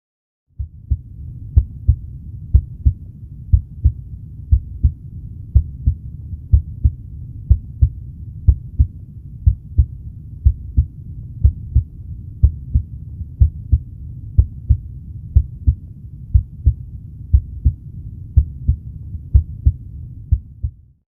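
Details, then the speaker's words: Normal heart sounds at the tricuspid area, at the base of the xiphoid process: regular paired heart sounds at about 61 beats a minute. "Четверта точка. біля основи мечоподібного відростка. Це проєкція тристулкового клапану."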